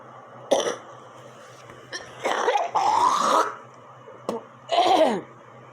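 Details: Recurring night coughing fit around 1 a.m. that woke the person: hoarse coughs and throat clearing with strained, wheezy breaths; person attributes it to chemical fumes near a humidifier and reports yellowish phlegm.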